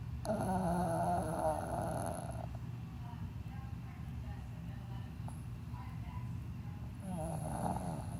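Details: A sleeping dog gives a loud, rattling snore on one breath, then a quiet pause before the next snore begins; snoring.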